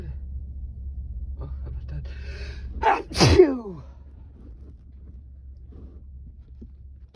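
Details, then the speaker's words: Adult male in his most intense sneezing fit in a long time: a breath drawn in, then one forceful voiced sneeze over a low room hum; his eyes are watering and spray is everywhere. "That came over me very, very powerfully. Oh. Holy shit. It has been a very long time since I sneezed that powerfully for that long."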